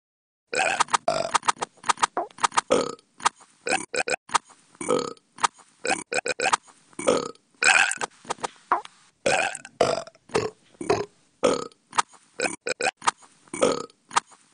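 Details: Rapid, choppy series of many short croaking burps with brief pauses between clusters; repeated belching.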